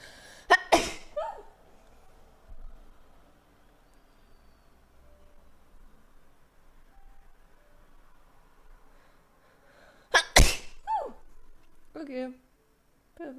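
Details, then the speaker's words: Two sharp, explosive sneezes about ten seconds apart from a woman during a livestream, each with a quick breath in before and a short voiced tail after, in a quiet room; she says she cannot stop sneezing. "Oh my god. I'm sorry, I cannot stop sneezing."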